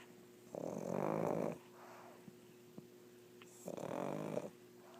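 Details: Sleeping pug snoring: two rattling, snorting snores over a steady background hum; typical noisy breathing of a flat-faced dog.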